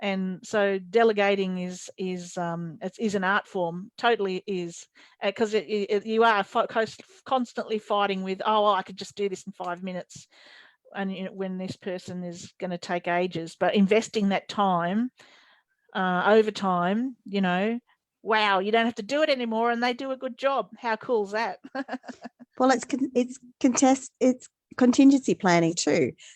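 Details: Adult woman speaking; ordinary speech.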